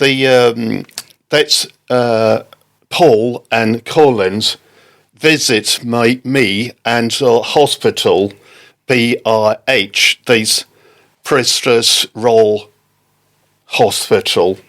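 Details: Adult man left with aphasia after a stroke in October 2019, with audible word-finding difficulty and garbled words: aphasia.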